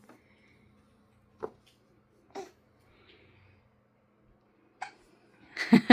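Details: Infant boy with hiccups: three short, soft, abrupt catches about a second apart, then a brief fussy vocal sound; hiccups.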